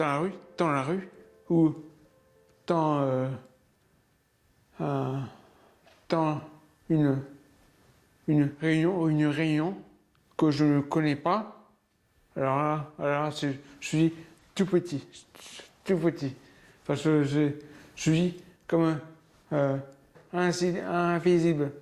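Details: Aphasia for over 20 years in an adult man, beginning after a 12-metre fall and several weeks in a coma.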